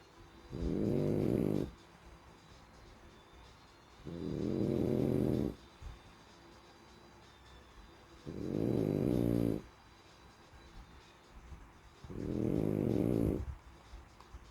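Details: Sleeping French bulldog snoring: regular, rattling snores about every four seconds, roughly 15 breaths a minute, in a quiet room.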